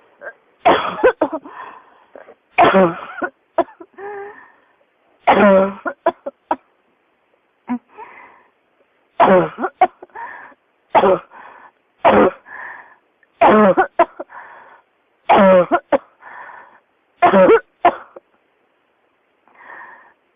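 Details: Repeated forceful coughs, about ten in twenty seconds, each with a short rattly tail and gasping breath, in someone with pneumonia whose cough won't stop: persistent cough.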